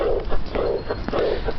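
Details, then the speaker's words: A 35-year-old woman with a known heart murmur and chronic exercise intolerance, heard best at the fourth left intercostal space: heart sounds with a soft, blowing, decrescendo diastolic murmur; aortic regurgitation. "That's because this is a diastolic murmur. Its shape, decrescendo, and what about its quality? I think many people would agree that it sounds glowing in nature."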